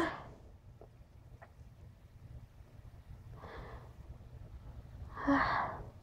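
Quiet room, then two short forceful bursts of air, the second louder: sneezes.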